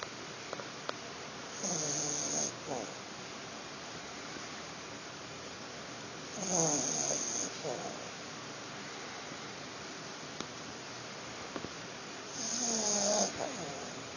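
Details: Billy, a pet dog (female pup) who was a bit cold, heavy snoring: three slow, rattling snores about six seconds apart, roughly ten a minute, against steady background hiss; she was fine afterwards.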